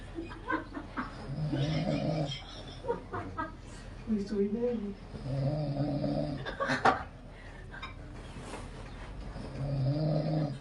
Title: Kerjain teman lagi ngorok 🤣